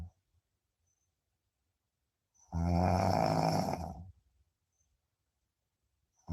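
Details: Deep sleep snoring: a single loud, rattling snore of about a second and a half amid quiet sleep breathing.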